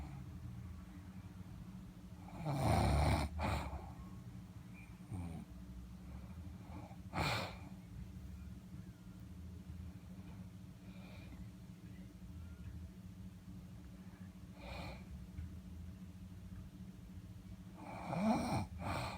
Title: She says she doesn't snore...